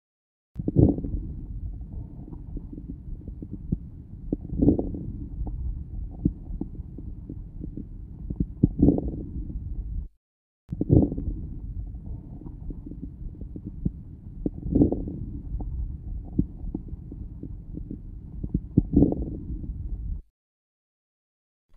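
Breath sounds about 15 a minute, with a few brief crackles just at the start of each inspiration: early inspiratory crackles.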